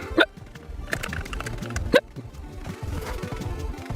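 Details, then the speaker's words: Streamer with recurring hiccups and burpiness during a gaming stream: two or three abrupt, sharp gulping bursts about a second or more apart over faint game music and room noise: hiccups. "Well, I got hiccups, so I don't really care at the moment, MLG KID."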